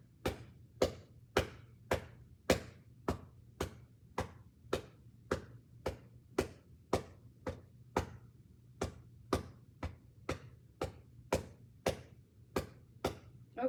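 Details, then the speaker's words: Physical therapy student performs cupped-hand chest percussion over the right middle lobe area, steady hollow rhythmic claps about 110 a minute, loosening mucus before huff coughing: chest percussion for airway clearance. "Typically, we'll be doing this for 3 to 5 minutes, and we're really trying to break up all that mucus and let it flow down into the center where you'll be able to huff, cough it up and out, because we don't want that to stay there."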